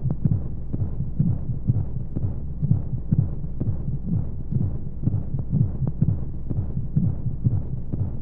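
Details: Womb sound for baby sleep: steady, muffled, low heartbeat thumps at about 125 a minute under a constant whooshing hum of white noise and monotonous flowing sounds. Heartbeat.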